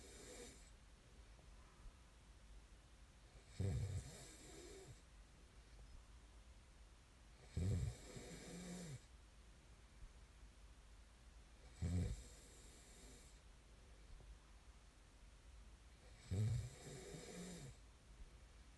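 Loud rumbling snores on each breath in, about 14 a minute, with quiet breathing between. Ordinary snoring.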